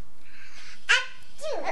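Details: A person sneezes once, suddenly and forcefully, and another person laughs at once.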